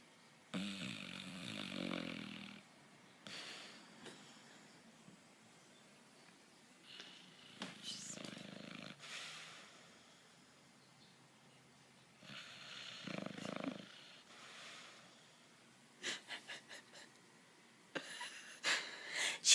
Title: snoring